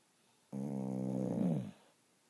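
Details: Snoring during sleep: one drawn-out, buzzing, rumbling breath lasting about a second, sounding like a dog's snore.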